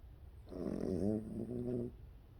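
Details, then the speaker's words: Snoring in a sleeping rescue dog that only recently started snoring: a single soft, low, buzzing breath sound lasting about a second and a half. "that you snoring is that Skippy snoring snippy baby that's Gippy snoring little snore little baby dog snoring what a boy"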